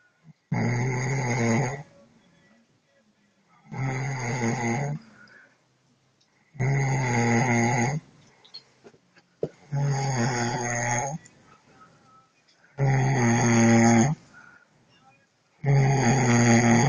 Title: Roncando